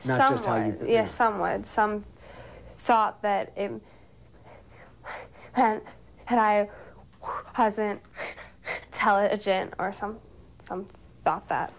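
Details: Stuttering in a 17-year-old girl who has stuttered since second grade; repetitions and pauses are heard.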